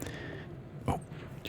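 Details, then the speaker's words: Adult's audible stomach growl (borborygmi) heard during a whispered ASMR gameplay session; growls recur habitually in this series. "hear that my stomach making one last appearance in the series we couldn't get through a Thief episode without a tummy growl as is tradition"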